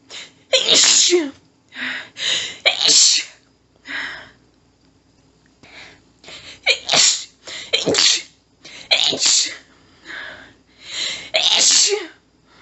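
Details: Adult female, nose tickly all day, unable to stifle: about a dozen strong, explosive sneezes in rapid succession with gasping breaths, a paroxysmal sneezing fit.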